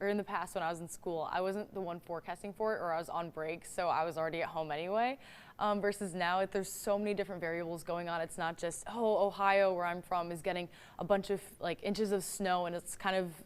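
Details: Adult woman speaking; normal speech.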